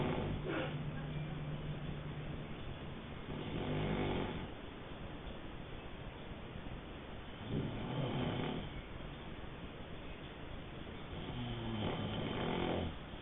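Low, rattling snores with each breath in a noisy room; ordinary snoring.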